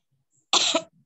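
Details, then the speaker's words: Adult woman reciting Quran: a single short, harsh cough burst with a throat-clearing quality, followed by brief quiet. "Mohon maaf ya, suara saya agak ini ya, batuk, ngekel."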